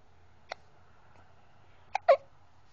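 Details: Baby girl who often gets hiccups: three short, sharp hiccup bursts over a quiet hum.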